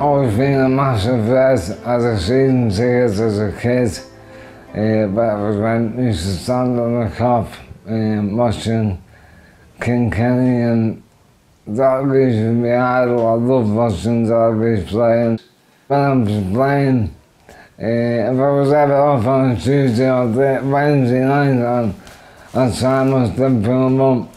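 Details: Adult man with motor neurone disease (ALS) diagnosed about four years earlier, affecting his throat and voice through weakened throat muscles; dysarthria (motor neurone disease).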